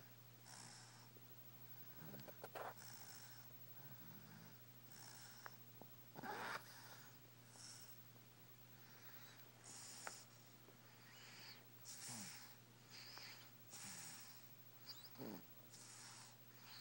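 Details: Soft, repeated snuffly snores and snorts over quiet breathing in a small room; a sleeping baby snoring.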